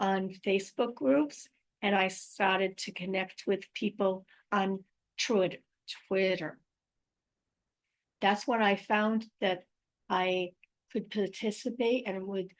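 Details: Adult woman with aphasia, apraxia of speech and dysarthria after a stroke in May 2019; real patient speaking about her own condition.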